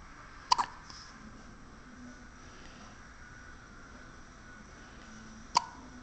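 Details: Hiccups in a six-day-old baby girl, who hiccups every time she is fed and was just fed: two sharp, brief hiccups about five seconds apart over quiet room noise.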